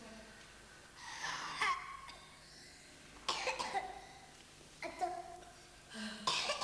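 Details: Productive cough in a child with cystic fibrosis during respiratory physiotherapy (airway clearance) session.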